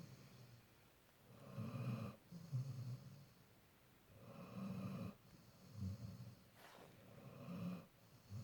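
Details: A sleeping Labrador dog snoring: rough, rumbling snores with each breath, about 20 a minute, some with a snorting edge.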